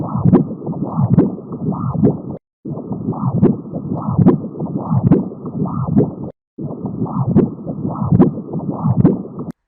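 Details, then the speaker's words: Pulsed-wave Doppler audio of mitral valve inflow on an echocardiogram, recorded with a KOSMOS handheld ultrasound device; waves described as sharp and clear. "here is the mitral valve inflow obtained with pulse wave doppler as you can see the waves are very nice very sharp and clear i also recorded some dopplers with sound so let's hear it"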